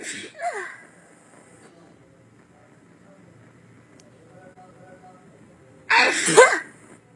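Two sudden explosive bursts of noise with a quiet gap between them, typical of sneezes.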